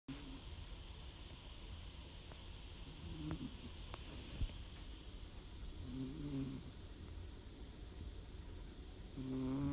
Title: my cat snoring 🐾💕